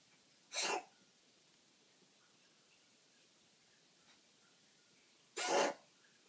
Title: Coughing